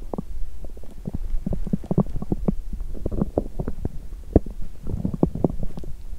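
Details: Continuous low gurgling and bubbling with frequent short squelching pops from an empty stomach after exercising while hungry: loud stomach growling, bowel sounds (borborygmi).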